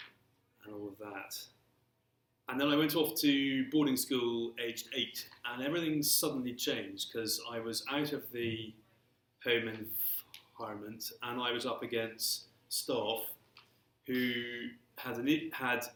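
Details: Stammering in an adult man who has stammered since early childhood and throughout his career; stammering (stuttering).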